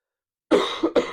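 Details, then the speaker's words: Two or three harsh, wet-sounding cough bursts in quick succession from an adult who has been sick for about a week, coughing during a livestream. "Every couple of minutes I'm gonna I'm gonna say please excuse the coughing. I'm still sick after a week."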